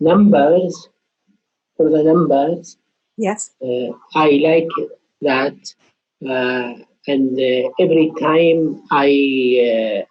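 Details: Adult with aphasia, a participant in a trial of a game-based digital intervention for number skills in aphasia. Aphasia.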